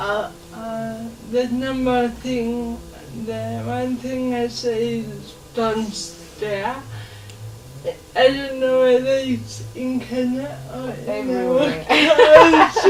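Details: Dysarthria in a 27-year-old woman with lifelong cerebral palsy; she can speak but needs extra time.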